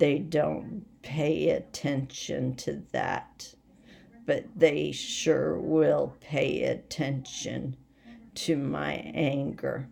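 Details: Voice tremor from essential tremor in an adult woman: rapidly progressive and badly out of control, most affecting her head and voice, with word-finding difficulty and leg and hand weakness; she is awaiting movement disorder specialists.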